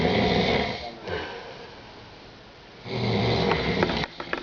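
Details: Man snoring heavily during sleep: a loud, rough snore on a long breath, then a quiet pause and another rattling breath, with some room noise.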